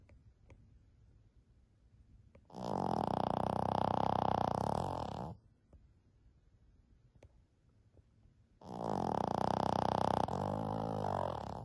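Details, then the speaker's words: 14-year-old female Shih Tzu, small dog sleeping soundly, gives two long, loud, buzzing snores about six seconds apart with quiet breathing between: snoring. "can you imagine hearing that during the night it's very cute now during the day but boy oh it's a little rough at night time does anybody else have a dog listeners that loud and she's so little"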